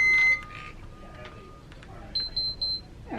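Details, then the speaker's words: Several high electronic beeps and tones from hospital machines over low room noise, in the room of a hospitalised chronically ill patient receiving medication and feeds via J-tube. "it's another reason it's hard to sleep in the hospitals there's lots of beeping machines"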